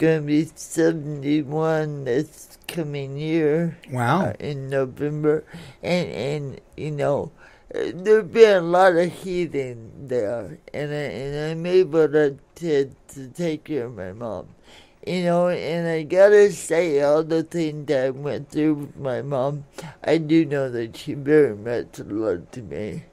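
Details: Adult woman born in 1959 with lifelong cerebral palsy affecting her speech and motor skills, which she attributes to oxygen being cut off to her brain during delivery; some listeners have difficulty understanding her; dysarthria (cerebral palsy).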